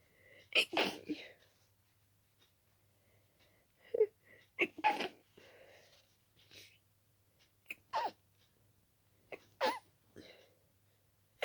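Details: Itchy-nosed person with dust allergy: several sneezes in quick succession, some muffled or stifled, with brief sniffing breaths between; an allergic sneezing fit.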